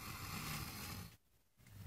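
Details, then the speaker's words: Ming snoring loudly while asleep under a bright light; very loud snoring. "打呼好大声。真大声啊！"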